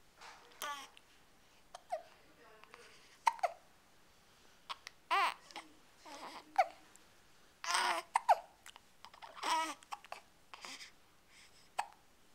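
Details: A baby babbles and laughs, broken by brief, sharp catching sounds of hiccups about one every few seconds.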